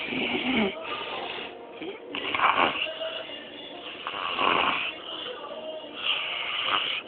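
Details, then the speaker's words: Man sleeping with mouth wide open, snoring: loud, rough, rattling snores at about 30 a minute, with faint music in the background. "this man breath is awful mouth wide open"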